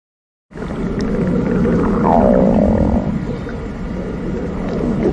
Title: Stomach Growling 💕💕